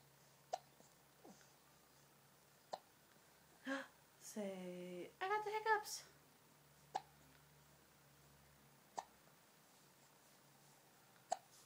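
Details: Child with hiccups: sharp, brief hiccup clicks recur about every two seconds in a quiet room, with a short burst of child vocalizing in between.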